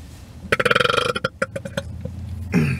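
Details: A long, loud, rumbling burp broken into rapid pulses, then a few shorter bursts, from a male YouTuber in a burping compilation; an ordinary belch.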